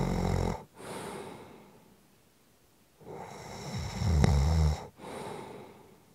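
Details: Loud, rough, low rattling snores on the in-breath, separated by quieter breathing; ordinary snoring.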